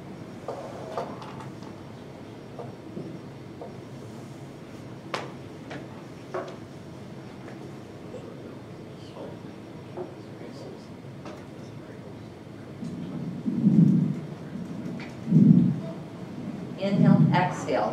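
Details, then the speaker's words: Crackles (rales), described as fine or coarse and heard in heart failure: scattered brief clicking and popping sounds over faint breathing, then several louder breath swells. "now crackles based on the lower air waves they can be fine or coarse we hear it in heart failure patients"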